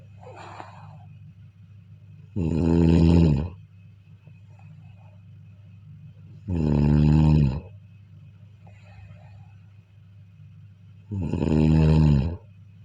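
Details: Loud, deep, vibrating snores on inhalation, about 14 a minute, with quiet pauses between, recorded during sleep: heavy snoring.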